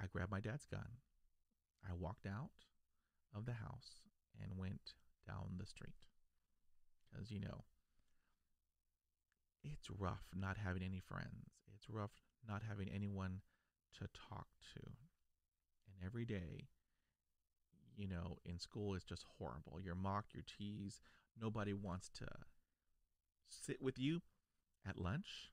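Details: Stuttering in an adult man who has stuttered since age five, after a dog attack, and still stutters despite years of speech therapy, including blocks.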